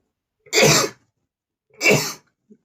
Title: male sneezing #44 ( more dust has taken over my nose)